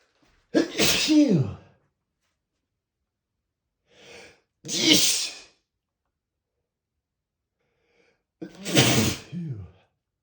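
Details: Three loud, open sneezes a few seconds apart, the second preceded by a short breath in; sneezes not stifled.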